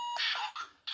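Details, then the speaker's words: First-aid training demonstration of an automated external defibrillator: the AED charges and gives a stand-clear prompt, a steady electronic tone ends, then short bursts of sound mark the shock delivery. "the hearts not be number units charger doing is telling you stand clear"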